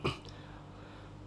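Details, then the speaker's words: A single short, dry throat-clearing cough from an adult with COVID-19, infected two days earlier and a second infection, with a hoarse voice, followed by quiet room hum; cough or throat clearing in COVID-19. "Jadi ini disclaimer dulu ya, jadi nanti ada batuk-batuk karena memang aku lagi covid, baru 2 hari yang lalu kena gitu."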